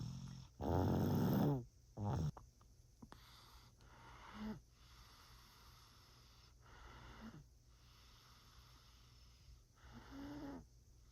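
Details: Snoring, likely a playful imitation: loud rattling snores at the start, then quieter repeated breathing snores against room noise.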